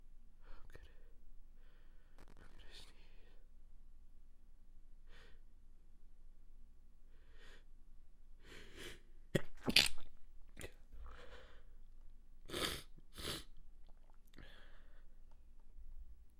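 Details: Stifled sneezes with congested sinuses: several short, muffled bursts with quick sniffs and catches of breath, repeating as the tickle returns after every sneeze.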